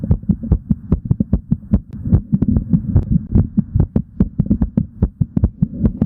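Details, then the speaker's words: Quick, regular paired heart sounds of an adult man recorded live while exercising; normal heart sounds at a raised rate. "take a listen to the smooth sounds of the hearts and be prepared for analysis by dr. n yeah it's gonna be a good one this is exercising as a man"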